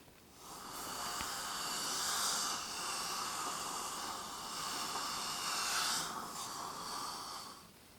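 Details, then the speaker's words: Steady hissing, airy suction rising and falling over several seconds. This is a saliva ejector clearing saliva during a simulated ASMR dental cleaning roleplay, and the patient is told to relax the jaw. "Okay, great. Relax that jaw. It's a little suction for you, just to get rid of any of that saliva."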